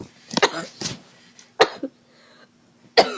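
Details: Violent choking cough after inhaling while eating a French fry: harsh, forceful coughs in irregular bursts with gasps between them.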